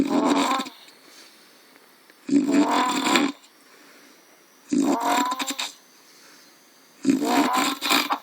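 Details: Adult man (dad) snoring after drinking too much: loud, harsh, growling snores on each breath in, four in about eight seconds, with quiet pauses between; heavy snoring.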